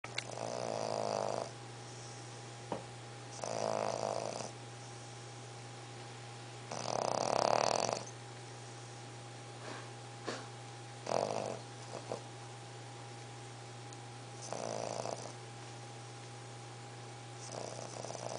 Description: english bulldog puppy snoring